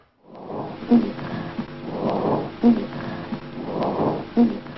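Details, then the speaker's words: Rhonchi in a teaching example: recurring low, coarse gurgling breath sounds over about three breaths. "So bronchi are, well, the most logical question is, what's the difference between bronchi and crepitations?"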